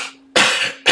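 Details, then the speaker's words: Adult singer, currently recovering from being sick with mucus, gives two abrupt, harsh coughs in quick succession, the first following the fading tail of an earlier one; cough. "So, see you can hear the coughs already."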